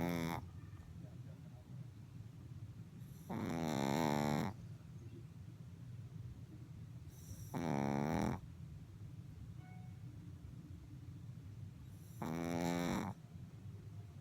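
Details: Chihuahua worn out and sleeping; three slow, drawn-out snores with a tonal, whistling quality about four seconds apart over steady room noise: snoring.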